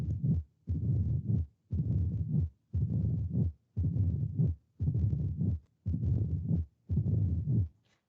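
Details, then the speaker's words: Teaching recording of mitral stenosis: a slow regular beat near 58 a minute, with the second sound followed by an opening snap, a long low rumbling murmur, and a loud first sound. "Hay dos ruidos de inicio. Segundo ruido y chasquido. Después viene el soplo y el primer ruido se logra escuchar y de manera incrementada, un primer ruido incrementado."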